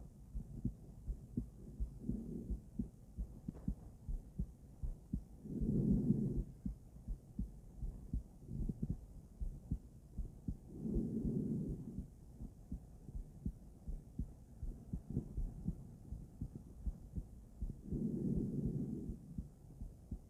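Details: Female heart auscultated with different stethoscopes, moving through Erb's point, mitral, tricuspid, aortic and pulmonic sites; soft regular beats with rushing breath noise every few seconds; normal heart sounds.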